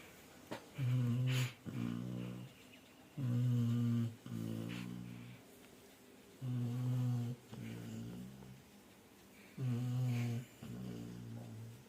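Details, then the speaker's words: Female Labrador snoring deeply after a full meal: loud, low, rumbling snores on both inhalation and exhalation, about 20 breaths a minute in a quiet room. "ये देखिए फ्रेंड्स, मेरी डॉली कैसे खराटे मार रही है।"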